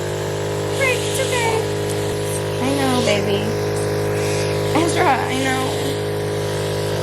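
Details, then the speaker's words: Suction machine running during nasal suctioning of a fussy infant triplet with a g-tube, much mucus removed: steady motor hum with brief fussy infant sounds over it. "Okay, and then I just suctioned up some water to clear out his suction."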